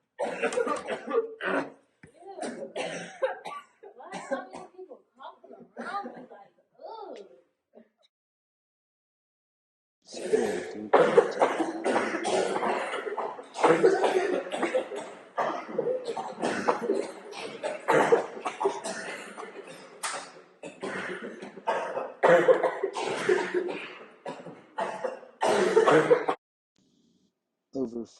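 Acted repeated coughing and throat clearing from an adult, imitating an upper respiratory infection cough.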